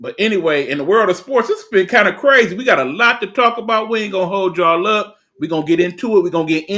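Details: Adult male speaker; Normal speech.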